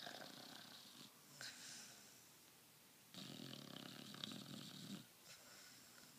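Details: Sleeping Bullmastiff dreaming and snoring: loud, rough snoring with noisy inhaled bursts and a snort; ordinary sleep snoring, described as a loud snorer.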